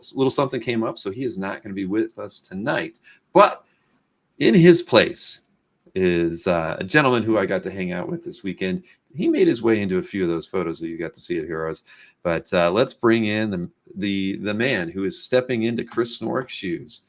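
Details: Adult male speaker; normal speech.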